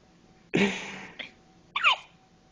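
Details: Two abrupt voiced catches about a second apart, each a short sharp gasp; hiccups in a newborn just twenty-four hours old.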